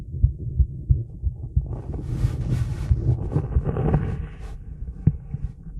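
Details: Female heartbeat during a 30-second plank, then recovery and breath hold: low thumping heartbeat around 90 per minute under rustling and breath noise, normal heart sounds after exertion.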